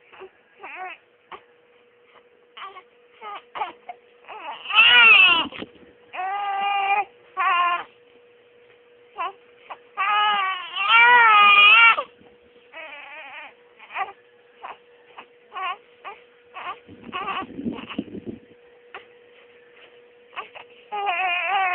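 An infant cries in repeated wailing bursts with short whimpers and breath pauses between them.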